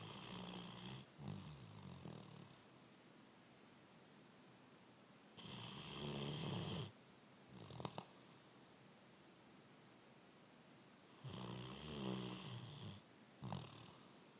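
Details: Great Dane napping, snoring: loud rattling snores recurring with each breath, separated by quiet pauses, about four to five breaths a minute; ordinary sleep snoring in a large dog.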